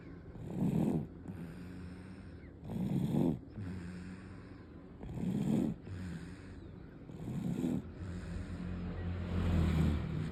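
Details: Rhythmic, rough snoring on each breath, about 27 breaths a minute, from a sleeping baby boy (infant); parent asks whether this snoring is normal.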